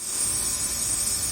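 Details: Steady high-pitched buzzing hiss of a nebulizer compressor running during nebulization given to a baby for cold and cough with breathing difficulty.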